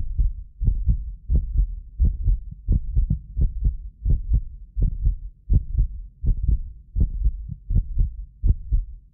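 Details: Heartbeat of a medically fit person recorded with several precision contact microphones: regular, clear paired thumps about 85 a minute; occasional doubled click is a ~6 ms microphone-delay artifact. Normal heart sounds.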